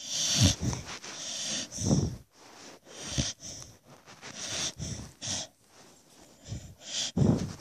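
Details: Dog snoring while sleeping with his mouth open: snorting, rattly breaths with a hiss on each breath, repeating every second or so.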